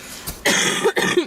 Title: Girl with chesty cough